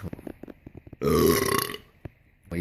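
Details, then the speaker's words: Belching after drinking a bottle of soda: a loud, long belch lasting nearly a second, with quieter clicks and a short burst of talk around it. "Can smell that one. That there should be a air freshener of a belch."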